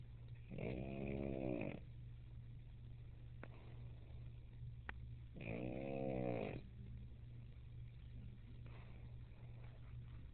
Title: puggy sleeping and snoring